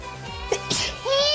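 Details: Sneeze by a VTuber during a stream: a brief, high-pitched sneeze over background music.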